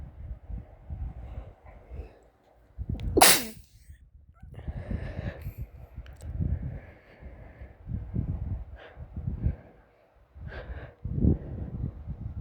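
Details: A person gives one sharp, explosive sneeze over quiet rustling and faint breathing noise; a single sneeze.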